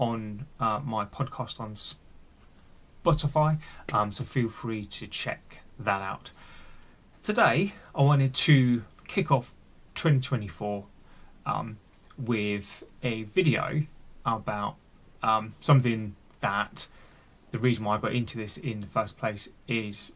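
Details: Adult male who stammers and has had speech therapy, with word and part-word repetitions left unedited; stuttering.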